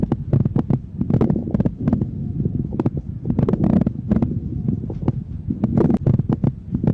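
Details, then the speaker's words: Lung auscultation of coarse (moist) crackles: irregular, loud-and-soft bubbling of air moving through secretions in the bronchi and alveoli, heard at the start of inspiration and the start of expiration. "Thì cái tiếng ran ẩm này nó xuất hiện khi mà không khí làm chuyển động các lớp dịch tiết trong phế quảng và phế nan. À tiếng của nó thì nó có cường độ to nhỏ không đều âm độ cao âm sắc như tiếng lọc sọc của khí và dịch pha trộn với nhau."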